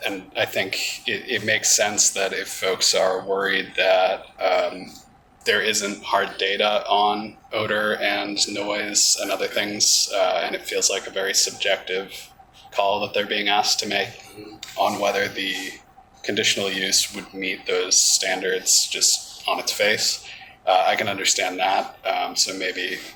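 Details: Adult man with spasmodic dysphonia, which he calls basically localized epilepsy; he links his voice to a fall off a cliff in an extreme skiing championship that left his throat 'gunked up'. Finding: spasmodic dysphonia.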